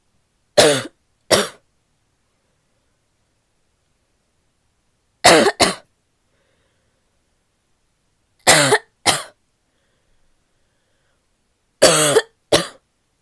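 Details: Woman's barky coughing fit: four paired bouts of harsh, abrupt barking coughs separated by quiet pauses.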